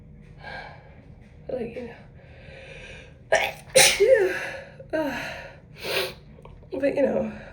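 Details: Two sharp, explosive sneezes with gasping breaths and sniffing between, in an adult with a cold and possible allergies, sneezing induced with a tissue while on decongestants; ordinary cold sneezing.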